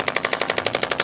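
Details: Rapid, regular sharp clicking pulses, about twelve a second, from a radial shockwave therapy handpiece treating the shoulder muscles (scapula, deltoid, trapezius) during a chiropractic follow-up session.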